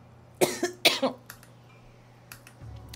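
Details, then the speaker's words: Girl coughing at work, harsh repeated dry-sounding cough in quick bursts of paired hacks, so hard she says she tastes blood in her throat; soft breaths between, quiet room. "막 목에 막 피날 정 피맛이 느껴질 정도로 기침을 하는 거야"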